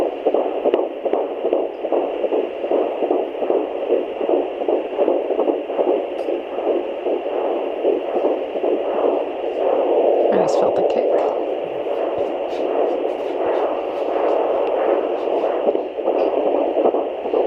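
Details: Fast, rhythmic whooshing pulses, the "galloping horse" sound of a fetal heartbeat on Doppler at 13 weeks 5 days of pregnancy, with fetal movement felt.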